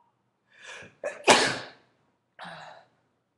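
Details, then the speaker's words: A single forceful sneeze deliberately triggered by tickling inside the nose with a bent paperclip, with a quick in-breath before it and a brief voiced sound after; one of five sneezes in about a minute and a half. "so okay I'm go for five I fa okay oh God that was five sneezes in about in minutes and a half so I try to get better"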